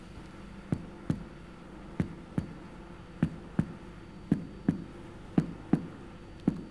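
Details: Chest percussion during a lung physical exam of an adult man: the note changes from resonant to tympanic at the lung-stomach border.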